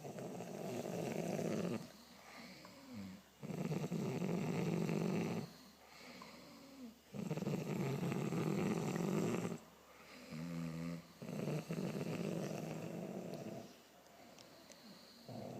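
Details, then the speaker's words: A mother and father asleep holding hands, both snoring: loud, rough snores with quieter gaps, several breaths in a row in a small room. "You're snoring too, Dad. You're snoring, Mum."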